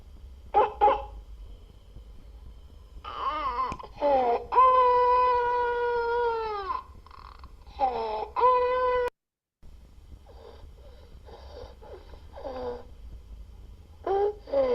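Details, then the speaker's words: Young child seen on an EMS call late on a Friday night, presented as a croup (laryngotracheitis) case: distressed child with harsh barking cough bursts and drawn-out, high-pitched stridorous breaths. "So what is it? I'm going to say it together with me. Laryngotracheitis. All right. Maybe better well known as croup."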